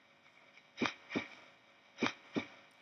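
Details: Normal heart sounds, an example from veterinary cardiac auscultation teaching.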